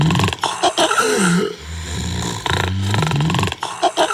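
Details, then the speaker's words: Loud, rough snoring with harsh gasping snorts from an advertisement, presented as the sound of moderate to severe obstructive sleep apnea in adults with obesity. "This is the soundtrack of the millions undiagnosed with moderate to severe obstructive sleep apnea or OSA in adults with obesity."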